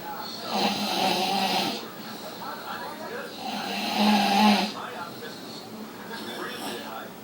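Loud, rough snores on the in-breaths, about two in seven seconds, with quieter breathing between them.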